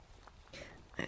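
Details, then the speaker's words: Soft-spoken ASMR streamer, shortly after sneezing: a single abrupt, soft vocal catch near the end of a quiet stretch; hiccup. "I heard it, especially with my earbud in, I heard kind of what it sounded for you guys and a hiccup. Another hiccup."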